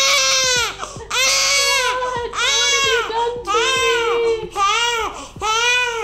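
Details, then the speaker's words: Loud, high, rhythmic crying in repeated bursts with brief breaths between, from a newborn boy in his first week of life, described as irritated by every little thing and hypersensitive; newborn crying. "he's so irritated by every single little thing really yes he's hyper sensitive"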